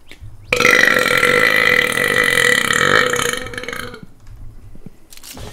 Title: I BURP 29 Times in Two MINUTES! - I Have Some Problems Doctor! [Gamer Burping/Belching]